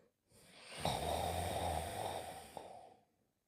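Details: Performed cartoon snoring by a sleeping character in a cartoon programme (1988-1992), not a real sleeper: a single drawn-out rasping snore on an in-breath.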